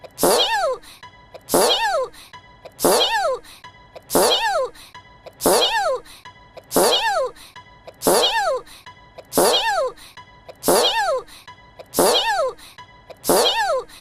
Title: fart sneeze